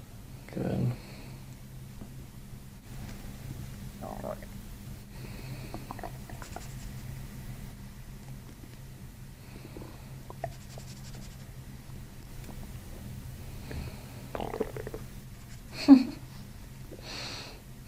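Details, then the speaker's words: Brief gurgles and low rumbles from the abdomen over steady room hum, heard during a chiropractic diaphragm manipulation with the patient belly breathing; called starving; stomach growling, bowel sounds. "Dude, you're starving. At this point in the day, I would have already had like 3 meals."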